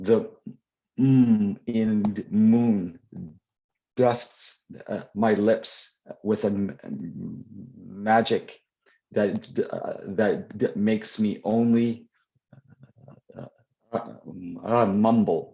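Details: Adult poet and children's author who stutters, answering questions in a live Q&A at a 2021 convention; real, not acted; stuttering.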